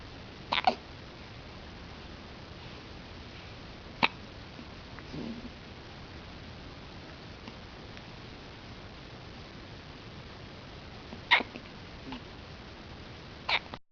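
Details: A baby with hiccups: about four to five sharp, brief hiccup catches at irregular gaps against a quiet hiss.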